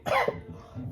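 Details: A single short, harsh cough from an adult after smelling a strong cologne, fading into quiet room noise; an isolated cough.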